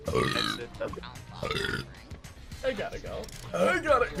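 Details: Burping compilation from a woman's live streams: several low, croaky, voiced belches, each often followed by "excuse me", mixed with speech and background music.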